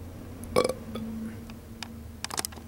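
A single short, low gulping belch is heard, followed by faint clicks and room noise.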